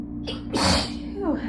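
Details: Congested adult having repeated chilly sneezes near an air conditioner, with sore throat and lightheadedness, and suspects pollen allergy. A sharp inward gasp builds into a forceful sneeze-like burst, then a trailing voiced breath: a gasp before a sneeze.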